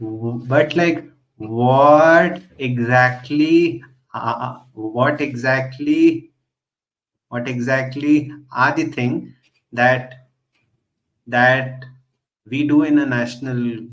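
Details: Real, self-identified stuttering in a male podcast host who stutters; finding: stuttering.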